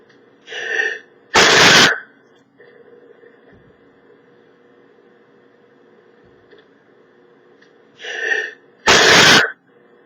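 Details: Two sneezes from a man, each a quick in-breath followed by a loud explosive burst, in a quiet room; sneezing.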